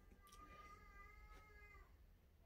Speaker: je pense que là vous l'avez entendu pauvre bébé donc du coup et à travers cet enfant qui pleure qu'on entend le message qui va destiner